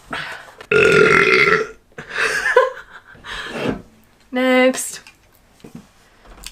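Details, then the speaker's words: A girl burping: several loud, voiced belches in a row, one long and tonal, then quieter sounds. "oh no I feel a burp coming I can't burp this back up"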